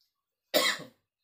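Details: Cough in an adult man unwell with a chill, aches and a cold during rainy weather, at dawn while his wife scrapes his skin (kerokan): a single short, harsh cough.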